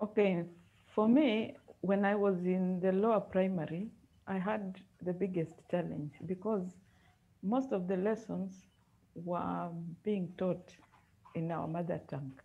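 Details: Female speaker with a stammer; her elder brother and other relatives also stammer; stuttering.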